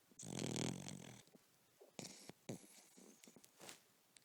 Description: Cavalier king charles napping and snoring